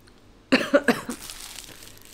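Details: A quick run of three harsh coughs from a sick adult with a hoarse voice, followed by a faint fourth cough and quiet room tone.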